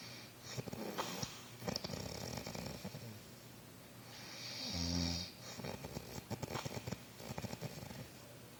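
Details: Rough, rattling snores with a louder snorting breath midway from a sleeping dog that the owner thinks is dreaming, with lips moving; quiet room noise between snores.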